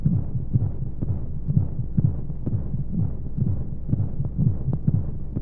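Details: Womb-sound baby sleep aid with white noise: steady, muffled low heartbeat thumps at about 60 a minute under a whooshing hum, like sound heard inside the womb.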